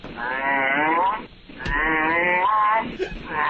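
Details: Adult male producer's loud, tonal, wavering snores with a bleating, goat-like quality, recorded overnight on a cell phone by a hotel roommate; someone jokes it sounds like sleep apnea.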